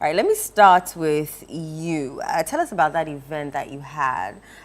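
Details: Adult woman speaking; Normal fluent speech.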